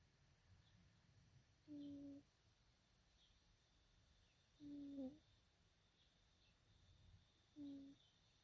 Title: cute lil kitten snoring #cat #catlover #snoring #cute #catsleeping #kittensleeping kittensl #pets